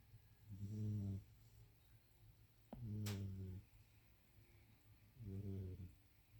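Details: Sleeping pet cat in a quiet room: three low, buzzing snores about two seconds apart, roughly 26 a minute, with a brief click; cat snoring.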